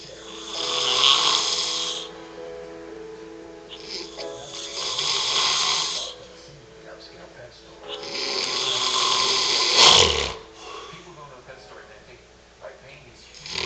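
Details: Heavy snoring in a man (a dad): loud, rough, rattling snores on each in-breath, about 14 a minute, with quiet out-breaths between.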